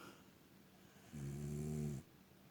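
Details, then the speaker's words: Wife snoring in bed, filmed by her husband: one low, rumbling snore lasting about a second against quiet room noise. "é assim que a gente filma quando alguém está roncando"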